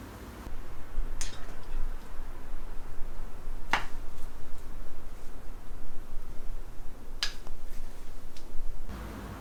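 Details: Chiropractic adjustment: a few sharp cracking clicks over steady room hum, joint cavitation pops during manipulation.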